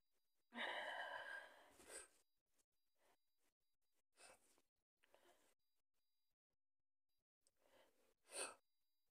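A strong, drawn-out sneeze with a sharp inward gasp, then softer breaths and a second forceful sneeze at the end.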